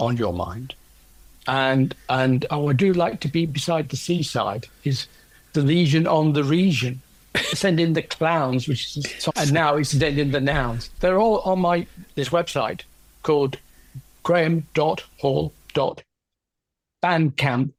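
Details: Adult man with aphasia after a stroke caused by a left middle cerebral artery blockage 10 years earlier.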